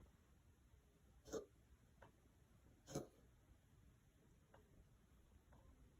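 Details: Cat, possibly wheezing: two sharp, brief hacking bursts and a few fainter ones, a coughing spell.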